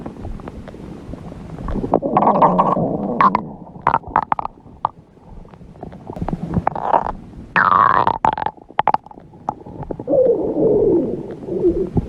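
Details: Red panda's belly: loud gurgling, rumbling growls with bubbly pops and squeaks over several seconds, with music in the background; ordinary stomach growling.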